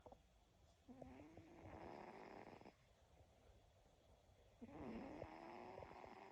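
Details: Snoring during sleep: two drawn-out, raspy breaths with a faint whistling tone, about three and a half seconds apart.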